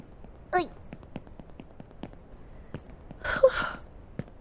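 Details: Four sneezes from a streamer while gaming, followed by "excuse me"; sneezing.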